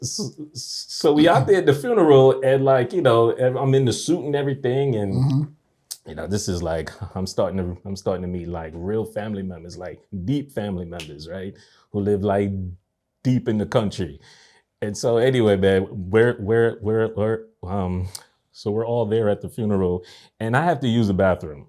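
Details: Adult man stuttering since a nightmare at age three, with blocks and repetitions worsened by anxiety into adulthood; speech therapy since 2020; stuttering.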